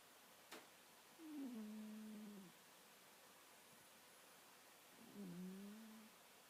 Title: My Cat Snoring at night haha